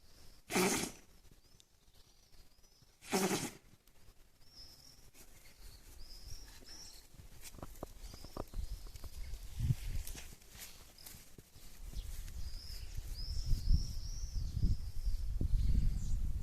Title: The dog sneezes loudly. Turn up the sound